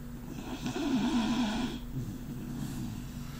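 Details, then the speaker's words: Dog with a very loud snore that is said to snore even when awake; here dozing and snoring again: a rattling, fluttering breath sound over steady room noise. "You're snoring, buddy. You're awake, I know you were. Chaos. You were snoring. Right back to snoring."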